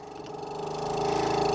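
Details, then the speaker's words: Steady motor hum rising in loudness as the suction machine runs during nasopharyngeal suctioning of an adult patient with airway secretions and low oxygen saturations; suction set to 120. "feel the resistance so withdraw 1 cenm and apply suction as I come out"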